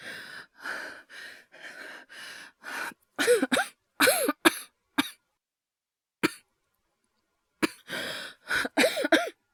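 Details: Acted coughing by a male voice actor, all performed: a run of short dry coughs, then harsher voiced coughs with gasping breaths between bursts; simulated cough.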